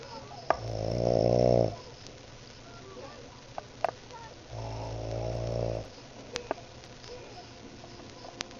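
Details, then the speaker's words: Two loud, rattling, buzzing breaths about four seconds apart with quiet gaps and faint room noise from a sleeping adult man, recorded by his wife, likened to a chainsaw: snoring. "told you you snore. Snore. You sound like a freaking chainsaw."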